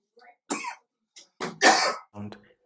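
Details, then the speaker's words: Child's cough at the end of a forceful exhalation during a respiratory exam, sometimes with squeaking near the end; a sign of narrowed airways, often easier to detect this way than by hearing it directly. "however it's not so easy to see or hear in many kids it just shows up as a cough at the end of a forceful exhalation like here"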